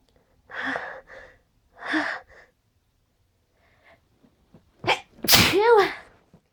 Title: gonna sneeze